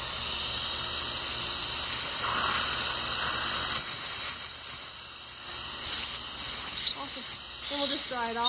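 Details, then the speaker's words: Dental air syringe giving a steady high-pitched hiss, then brief scraping and squeaks, drying a posterior tooth after pumice cleaning and before etching for a dental sealant. "from that it is nice a little bit air make sure it's all nice and dry"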